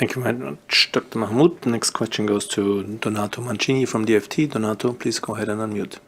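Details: Adult man speaking; normal voice.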